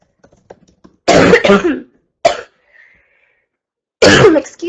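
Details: Girl who is sick, with mucus at first but now none and finding it hard to breathe without coughing: loud, harsh throat clearing and dry coughs in short bursts separated by brief quiet pauses; cough with throat clearing.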